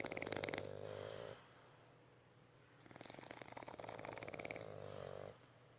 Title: Bulldogs snoring